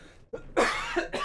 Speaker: yeah sorry I coughed did you hear that yeah did you hear me cause I have a really bad tickle in my throat this does not bode well friends